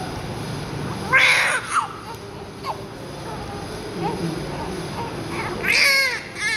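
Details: Loud, high, clear bursts of crying with short pauses, room noise behind: vigorous cry of a very active newborn just born after 9 months 10 days of pregnancy, during cleaning.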